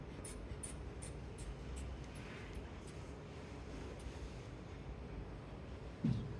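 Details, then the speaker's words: Manual blood pressure measurement: cuff placed 2.5 cm above the elbow crease, stethoscope diaphragm over the brachial artery, radial pulse felt while a hand bulb pumps the cuff about ten rhythmic squeezes, then a soft bump. "Radial pulse অনুভব করে আমরা pressure মেশিনের মাধ্যমে pressure build up করছি।"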